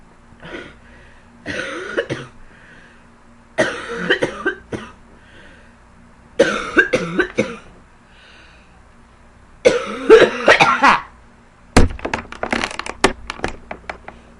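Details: Girl coughing, productive with phlegm: five bursts of harsh coughing, some in quick runs of two or three, with quiet pauses between; cough.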